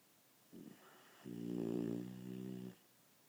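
A short snort, then one long, low, rumbling snore in a quiet room. Dog snoring.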